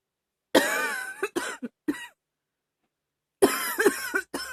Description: Another one from a a few weeks ago... sorry at some point I cough too loud... :-/